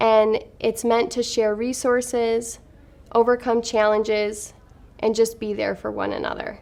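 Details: Adult woman speaking; normal speech.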